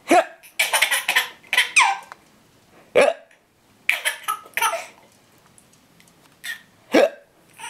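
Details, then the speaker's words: Person with hiccups: sharp, abrupt gulping hiccups recur through the clip, mixed with bursts of laughter; ordinary hiccups. "Yeah, hiccups are funny, aren't they?"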